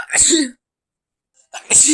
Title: random sneezes + induced stifled sneezes :") read description pls:_)